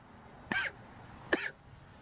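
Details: An adult man coughs while smoking a cigar outdoors: two short, dry cough bursts about a second apart.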